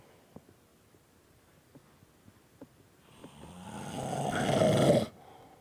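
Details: Adult man (a dad) asleep in his chair: quiet ticking noises, then one long, rough, rising snore on a breath that cuts off abruptly; snoring.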